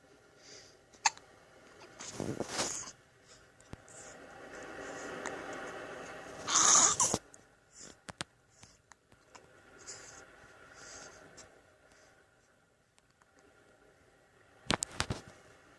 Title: Baby hiccups